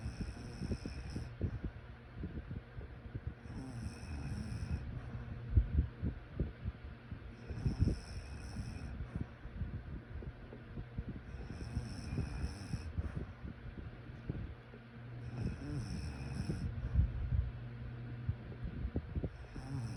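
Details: Low rattling snores repeating about every 4 seconds, roughly 14 breaths a minute, over a faint hum: snoring during sleep.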